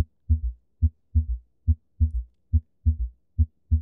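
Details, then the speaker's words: S3 ventricular gallop in early diastole from blood rushing into the ventricle: regular heartbeat near 70 a minute with a soft extra sound just after S2, "Kentucky" rhythm. "it's also known as the ventricular gallop because it's the result of blood rushing into the ventricle."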